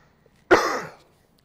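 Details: Adult preacher, ill for weeks and losing his voice, coughing mid-sermon: a single harsh cough burst fading over about half a second.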